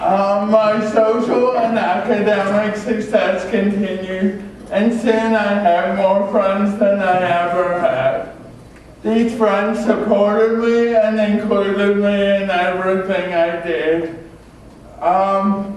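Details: Adult man with cerebral palsy from oxygen loss at birth (umbilical cord around throat), a type involving muscle stiffness and irregular movements, noticed around age 1, after extensive speech therapy: dysarthria (cerebral palsy).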